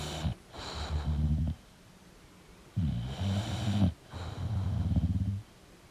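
Loud, low rattling snores with each breath in, separated by quiet breaths out, from a sleeping flat-faced dog.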